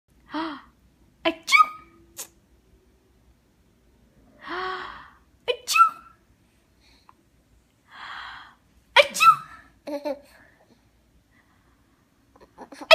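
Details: Imitated sneezes: several short sneeze-like bursts with a gasping lead-in and pauses between them, while someone laughs at the fake sneezes.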